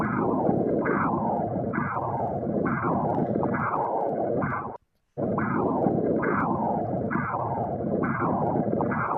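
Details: Doppler ultrasound in transverse view showing the aorta, both renal arteries including the left, and the mesenteric vessels in front. Pulsing whooshing flow about 70 beats a minute never falls silent between beats, a normal low-resistance visceral artery signal.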